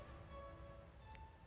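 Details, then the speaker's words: Very faint, muffled music with a few thin tones, simulating how music sounds with severe hearing loss at the level needing cochlear implant surgery, where speech is barely understood. "고도 난청인요 소리 거의 안 들리시죠네 예 고도난청 환자분들은 이렇게 청력이 떨어져 있어서 제가 이렇게 얘기를 하는 소리를 거의 못 알아 들으십니다"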